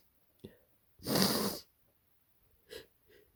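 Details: Adult with a bad head cold (scratchy throat, headache, congested): a brief inward breath, then one loud, harsh, explosive sneeze followed by sniffs; sneezing.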